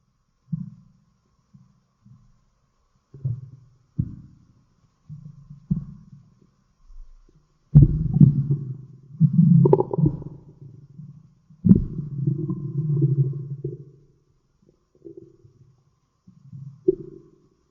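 Low irregular gurgling and rumbling bursts of stomach growling, ordinary bowel sounds.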